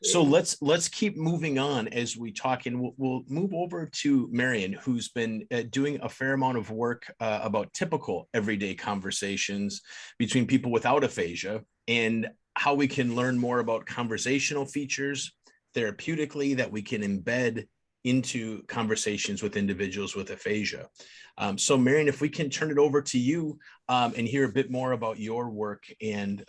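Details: Adult male speaker; typical speech.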